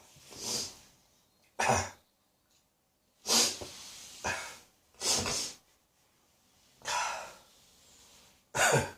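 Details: An adult coughing with a spring cold that is moving deeper into the throat and may reach the chest in a couple of days. About seven harsh, throaty coughs at irregular intervals with short quiet gaps; a common cold cough.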